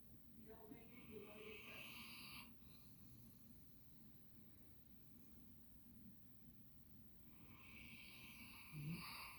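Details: Snoring from Max, a sleeping Bernese Mountain Dog.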